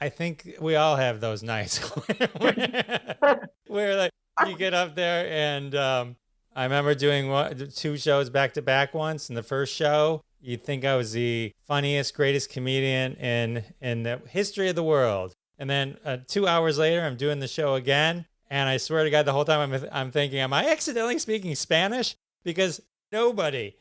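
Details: Adult man; typical speech.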